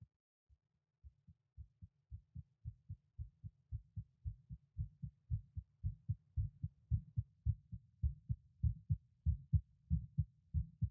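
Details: Recording of a member's heartbeat at each auscultation point at rest: regular paired low heart thumps at roughly 95–100 a minute, fading in as the stethoscope settles; normal heart sounds.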